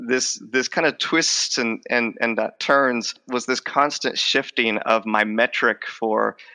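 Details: Adult male speech professor who stutters; he says his stutter became more overt, with a drop in fluency; finding: stuttering.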